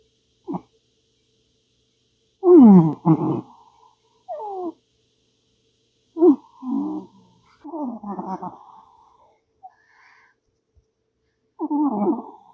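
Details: Soft, intermittent chirps, murmurs and short groaning calls separated by silence, from a female cat making noises in her sleep; harmless sleep vocalizing.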